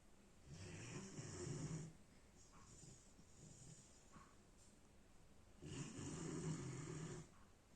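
Two long, low rumbling snores on breathing in, with quieter breaths between them, from a sleeping puppy.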